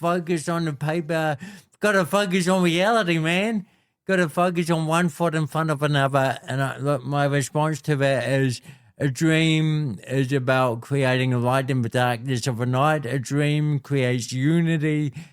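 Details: Adult man with cerebral palsy since birth, a physical disability affecting how messages travel around his body; speaks with dysarthria (cerebral palsy).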